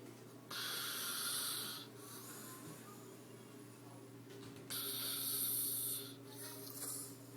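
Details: Man asleep snoring really loudly: two loud, rough, rattling breaths drawn in, with quieter breathing between them.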